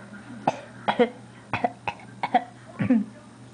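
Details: Several short cough-like bursts and throat clearing, about seven in three and a half seconds, in a quiet room, from a person trying but failing to sneeze; cough.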